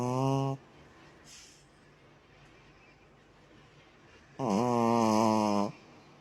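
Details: A dog snoring: two loud, droning breaths separated by a quiet pause.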